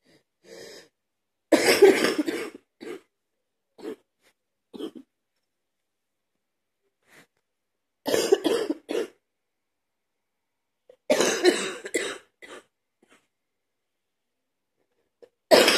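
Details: Man cleaning his truck, watched from a window, with a persistent cough that is not getting better; three bouts of harsh, wet-sounding coughing with smaller coughs between.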